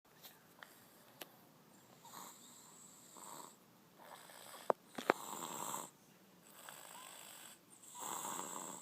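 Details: Sleeping baby girl snoring loudly "like a man": loud, rough snoring breaths repeated, with a couple of sharp clicks between them.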